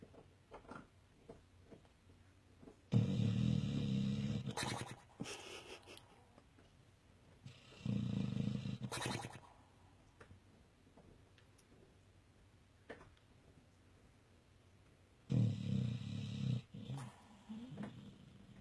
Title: Cute doggy snores vlog 66